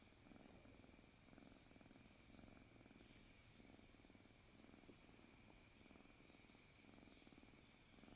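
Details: Sleeping cat purring with its head resting on its owner's arm: soft, steady rhythmic purring rising and falling with each breath under faint background hum; normal resting purr.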